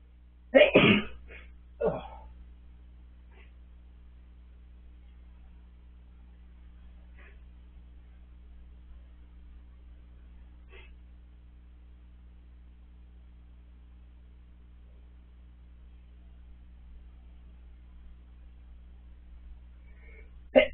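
A sharp sneeze burst near the start with a smaller one after it, then a quiet room and another brief sneeze-like burst at the end.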